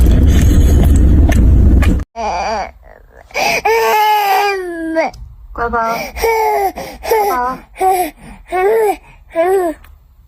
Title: baby stop crying hearing mommy voice 😢 😭 very heart touching